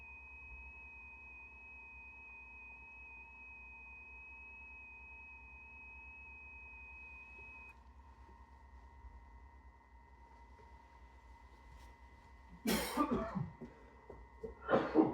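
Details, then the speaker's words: Two short, harsh coughs from an adult with a cold, heard over steady electronic radio tones and a low hum. "Sorry if you could hear that. I was got a bit of a cough."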